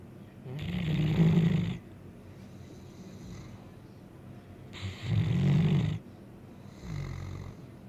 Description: My blue great dane snoring